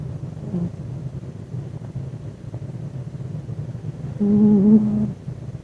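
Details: Cat snoring during sleep: low, steady rumbling breath noise with one brief, louder humming snore near the end.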